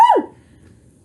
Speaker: wow that was a sneeze oh I a loud sneezer loud sneezer that sounds funny